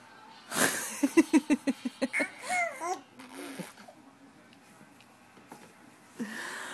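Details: Young child playfully fake coughing, a quick run of short, voiced cough-like bursts after spitting; parent asks if her throat hurts; voluntary pretend cough.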